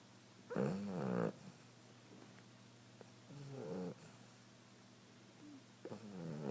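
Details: Female sleeping: two loud, rough snorts on the breath a few quiet seconds apart, then a third starting; snoring.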